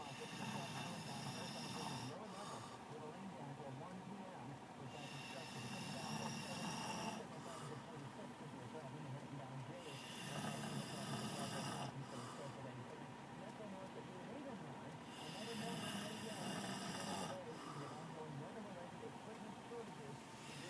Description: This Fat Guy snores While sleeping in his truck